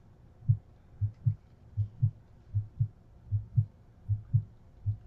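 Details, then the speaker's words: Normal S1 and S2 heart sounds on a simulator, about 78 beats a minute with no extra sounds, auscultated at pulmonic area, Erb's point, tricuspid and mitral areas. "s2 and pulmonic area s1 s2 at herb's point s1 s2 at tricuspid area this one is two and all points she sounds pretty darn good don't you mitral valve s1s2"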